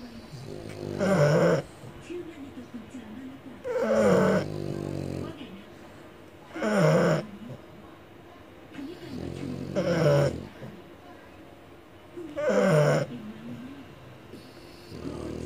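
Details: Loud, rattling snores about every three seconds, roughly 20 breaths a minute, with quieter breaths between; very loud snoring in a sleeping French Bulldog.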